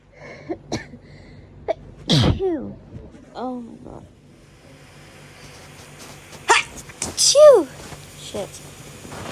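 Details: Two bursts of sharp sneezes, each followed by a short voiced sound; repeated hay fever sneezing, one of several filmed over 3-4 days.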